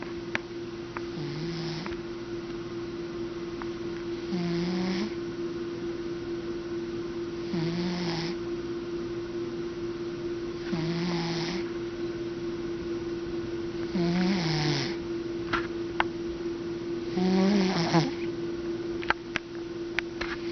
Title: Snoring Cat